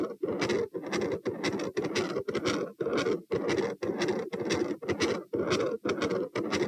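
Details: Heart recorded at position P, standing, about 118/min: harsh, rasping continuous machinery murmur focused over S2, filling nearly each beat; possible patent ductus arteriosus, or aortopulmonary window or collateral vessel.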